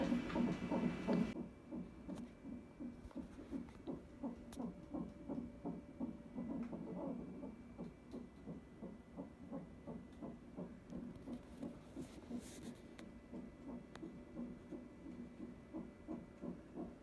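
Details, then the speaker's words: Rapid, regular whooshing pulses from a fetal monitor, about 150 to 170 a minute: fetal heartbeat during a 20-minute non-stress test in a high-risk pregnancy six days before delivery of a son; everything looks good. "the third time I'm doing the stress test just cuz I'm gonna high high risk pregnancy but everything looks good but to enough babies heartbeat so I'm just chilling here by myself"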